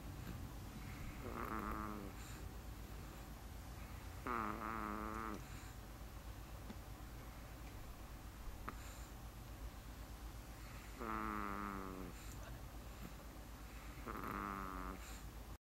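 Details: Little one with a cold for the last couple of days, caught snoring: soft buzzing, purring snores with each breath, about 4 over 15 seconds, over steady room hum.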